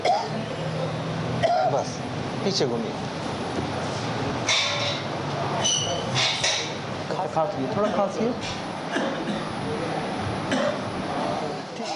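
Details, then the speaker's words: Adult man who has worked 10 years in mica mines, seen at a village hospital with a tuberculosis ward, coughing on a doctor's request: several harsh cough bursts from a month-long respiratory cough. "彼はここ1ヶ月間、呼吸器系の問題に苦しんでいる。何か問題でも？咳が出ます。期間はどれくらいですか？1ヶ月です。"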